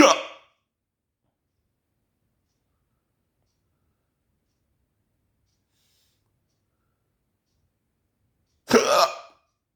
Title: why i have the hiccups so bad ? xD